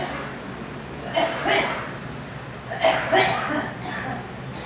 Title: Girl and me coughing